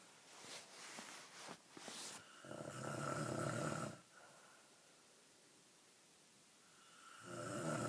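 Two rough, rattling breath sounds about four seconds apart, with quiet in between, fitting snoring.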